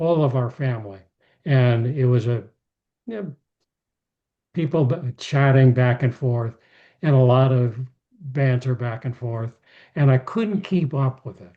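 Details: Aphasia in an adult male after a stroke; speech rebuilt through therapy and daily practice.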